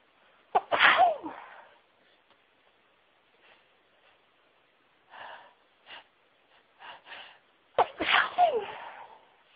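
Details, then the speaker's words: Person feeling very sneezy says "Oh, I need to sneeze": two full, sharp sneezes with softer stifled sneezes and quick breaths between them. "Oh, I need to sneeze. Chew."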